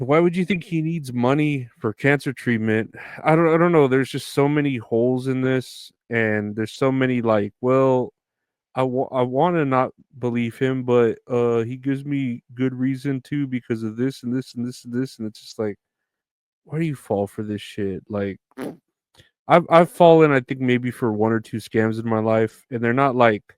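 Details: Adult male speaker; normal speech.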